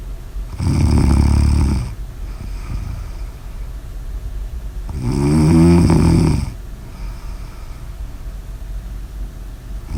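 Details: Loud, vibrating snores on each in-breath, about 13 a minute, with quieter breathing between; snoring.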